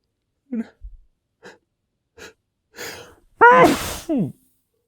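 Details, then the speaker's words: Male adult in a short sneezing fit, trying to muffle it in his sleeve: a few short catching breaths build to a loud, explosive sneeze, then a brief voiced sound; sneezing. "Okay. I'm gonna sneeze. I'm gonna. I'm gonna. I can't stop."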